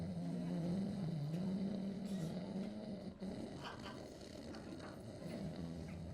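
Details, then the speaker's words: Comedian's imitation of obstructive sleep apnea snoring, not a real patient: loud, rough, rattling snore with a brief pause and resumption. He describes his soft palate closing his airway when sleeping on his back. "Now, if you still don't know what sleep apnea is, I'm going to do an impression of it, and this is what it sounds like if you've got sleep apnea."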